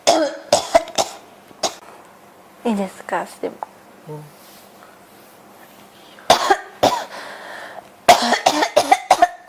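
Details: Repeated close clusters of coughing with throat clearing and brief pauses, in a person who says their throat feels scratchy and irritated today and that they cannot stop coughing; persistent cough.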